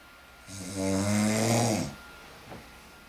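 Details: A single loud, rattling snore on an in-breath, about a second and a half long, with a steady faint tone in the background; snoring.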